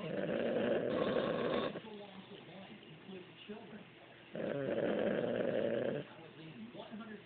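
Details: Man asleep on a couch, snoring: two long rattling, vibrating breaths with quieter breathing between.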